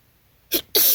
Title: Very wet sneezes after a party + bonus sneezes at the end